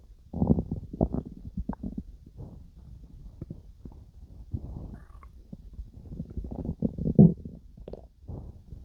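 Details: Irregular low gurgles, rumbles and squelching bursts come and go over several seconds: active bowel sounds, a person's stomach growling while digesting food.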